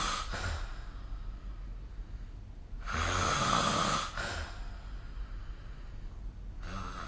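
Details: Nightly snoring recorded during sleep on 2025/05/04.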